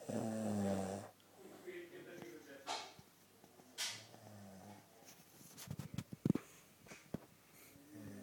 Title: snoring..lolzz